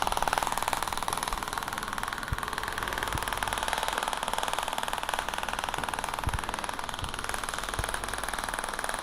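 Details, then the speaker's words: Shock wave therapy device firing during Achilles tendon treatment, 2000 shots covering the area while avoiding bones; steady rapid mechanical clatter, about ten pulses a second, with a constant hum. "and you'll see that 2,000 shots are going to be done really, really quickly. We're going to get over with 2,000 shots really quickly."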